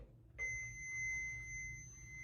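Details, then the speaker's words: CPR/AED training demonstration: a steady high electronic tone as the training defibrillator is powered on, the first step of AED use before the pads are applied. "all right so what's the first thing I do when ad arriv to the SC you said power it on"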